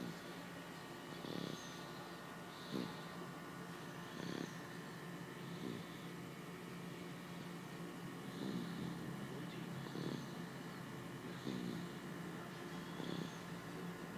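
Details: Snoring: soft, irregular snoring sounds repeating about every one to two seconds over a steady background hum.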